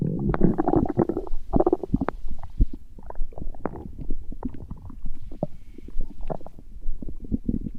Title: Stomach growling, Урчит в животе